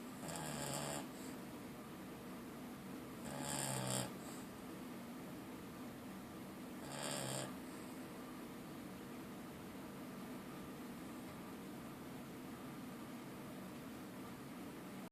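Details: Three noisy snoring breaths spaced a few seconds apart against steady room noise; ordinary snoring.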